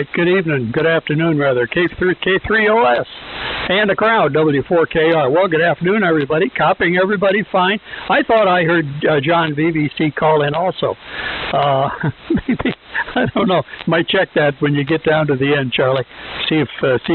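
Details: Adult male over amateur radio; ordinary speech.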